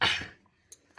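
A single harsh, explosive cough from a dog, fading quickly, with a couple of faint clicks after.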